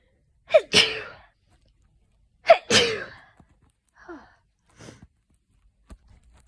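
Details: Adult coming down with an autumn common cold, itchy: two loud sneezes, each with a sharp gasping breath in just before, then quieter breaths and sniffs.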